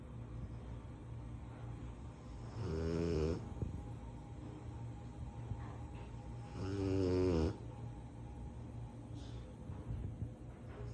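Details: One-year-old Cane Corso (mastiff) asleep: two loud, rattling snores about four seconds apart, with quiet steady breathing between them; ordinary snoring.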